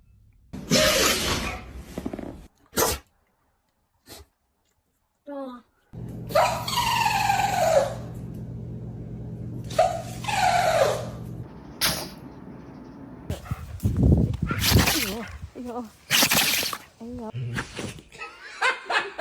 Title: Sneezing dog